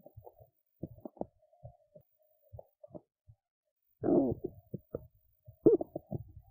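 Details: An adult woman who skipped lunch and is hungry has belly noises: irregular gurgles, squeaks and low rumbles, with two louder churning bursts. Hunger stomach rumbling, normal borborygmi.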